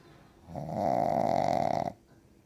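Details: Dog with heavy snoring, possible sleep apnea raised: one loud, rattling snore about 1.4 seconds long with a fluttering buzz, suggesting soft tissue vibrating in the upper airway.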